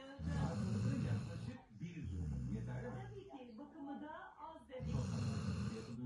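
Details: A sleeping Golden Retriever snoring: loud, long, rattling snores on each breath, about three in six seconds, with faint music behind.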